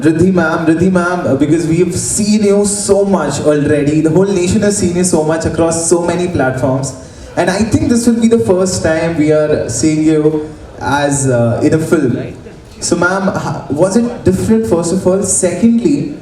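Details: Adult speaker; normal voice.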